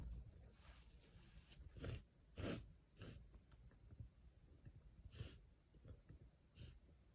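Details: A run of harsh, explosive sneeze bursts with snorting breaths between, weak at first but continuing on and on; a sneezing fit.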